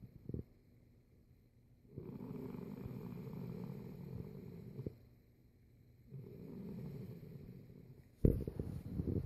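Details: Soft snoring from a sleeping animal: low, rumbling, fluttering breaths in long stretches separated by quiet pauses.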